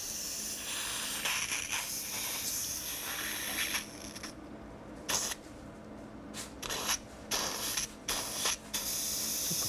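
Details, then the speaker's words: A steady hiss as dilute indigo carmine is sprayed toward the antrum through a Fujinon EG-530N ultrathin transnasal gastroscope, then short suction bursts as air is removed from the stomach; endoscopic dye spraying. "A small amount of diluted indigo carmine is sprayed."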